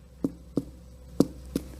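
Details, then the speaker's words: Tympanic percussion note during a chest percussion teaching demonstration: four taps giving a hollow, drum-like, relatively long tone of a single pitch. "it's Hollow sounding and it's relatively long as well"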